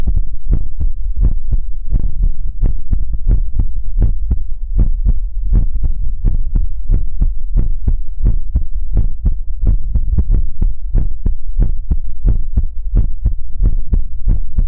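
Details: ASMR livestream heartbeat sound for relaxation: loud, rapid, deep repeated thumps over a steady low hum; fast heartbeat.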